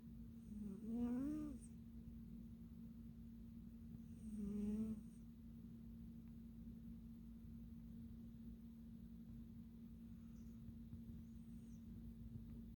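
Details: Cat in deep sleep snoring, heard at close range: two soft, rising snore sounds over a steady background hum, then quiet breathing.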